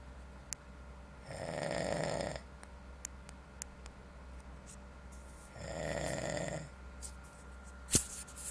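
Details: Person snoring in a motel room: two loud, buzzing snores on the in-breath about four seconds apart, with quiet room noise between; ordinary snoring.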